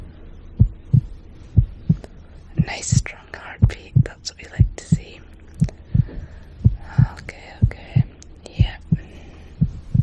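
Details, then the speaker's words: Normal heartbeat in a role-play ASMR veterinary exam of a dog: steady, strong paired thumps at about 60 a minute, described as a perfectly healthy heart for his age and size. "Perfectly healthy heart there. Just as it should be for a dog his age and size."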